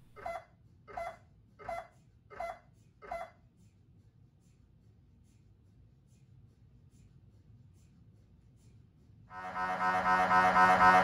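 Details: GE Signa Excite 1.5T MRI scanner on a standard brain protocol, axial T2 FSE-XL sequence: evenly spaced tonal knocks, then a louder sustained buzzing tone; MRI scanner sequence noise.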